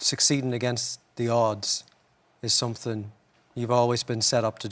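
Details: Adult male speaker; typical speech.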